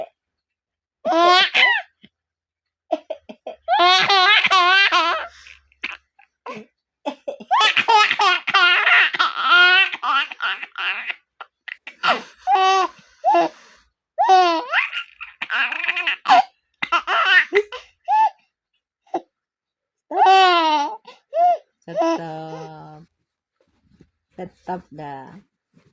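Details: Young child making playful pretend coughs that dissolve into bursts of high-pitched laughter.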